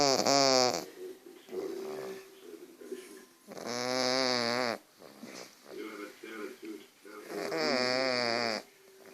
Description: Emma, a 7 months old pug/mops snores while she's asleep